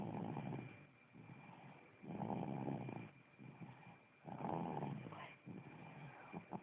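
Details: Sleeping dog snoring: low, rough snoring breaths, about two every few seconds, with quieter exhalations between.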